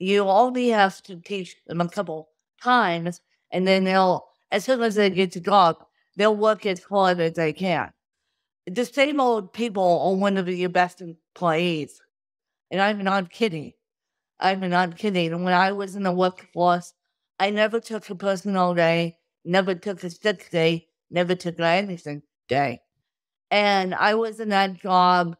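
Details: Adult woman with cerebral palsy from birth due to lack of oxygen at birth, a wheelchair user with difficulty speaking, sitting up and eating who tires easily; dysarthria (cerebral palsy).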